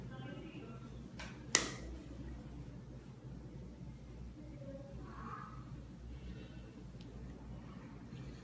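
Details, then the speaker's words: Single sharp snap of a needle-free jet injector (Comfort-in) delivering dental anaesthesia to a patient in a dental office, first trial; patient reported no pain; quiet room noise. "Acabei de receber aqui no consultório anestesia sem agulha vamos testar aqui no paciente para ver se o método é eficaz mesmo"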